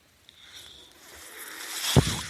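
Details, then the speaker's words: A soft hiss of airflow builds over about a second and ends in a sharp click and thump, from a podcaster's own ventilator heard during speech; one mechanical ventilator breath cycle. "That noise you're hearing is my ventilato"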